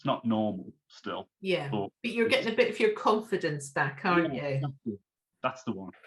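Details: Adult speaker; normal adult speech.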